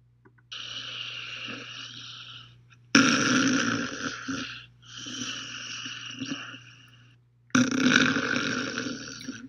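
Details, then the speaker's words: Simple snoring, not sleep apnea, as the soft palate and the back of the tongue get into the airway while the person breathes. "This is the soft palate in the back of the tongue getting into the airway as this person breathes."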